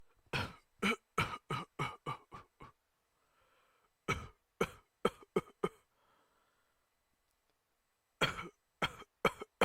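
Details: Three bouts of short, sharp, repetitive coughs, about seventeen in all, separated by soft breaths and pauses: a paroxysmal cough.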